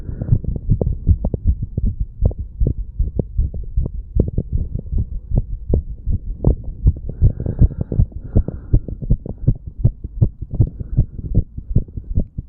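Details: Normal heart sounds in a 35-year-old male after pull-ups and breath holds, recorded by stethoscope at the mitral and tricuspid areas: fast, steady heartbeat thumps.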